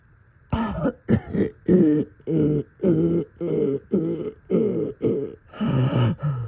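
A run of about ten deep, rattly coughs in quick succession; a wet, productive-sounding cough from chest congestion.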